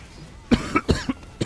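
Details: Four short, somewhat hoarse cough bursts in quick succession in a quiet room, from someone whose throat really hurts after screaming at a party and who feels sick; irritated-throat cough.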